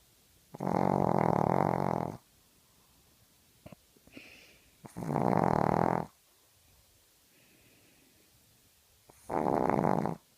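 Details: A sleeping dog snoring: three loud, buzzing snores about every four seconds, with quiet pauses and faint small sounds between them.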